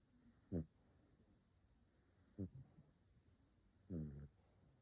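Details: Sleeping dog snoring: three short, soft snorting snores about every two seconds over quiet background hiss.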